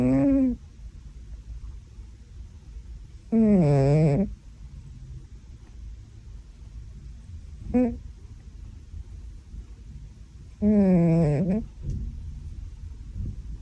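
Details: A pet cat snoring very loudly while asleep: groaning, tonal snores with wavering pitch at irregular intervals a few seconds apart.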